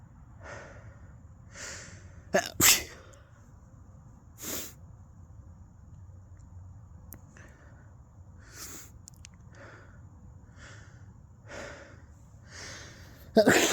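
Sharp explosive sneezes among soft sniffs and breaths in a quiet room; repeated sneezing.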